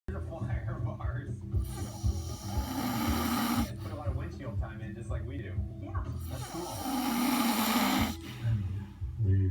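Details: Snoring: two long, loud, harsh breaths about six seconds apart over low background hum and faint music.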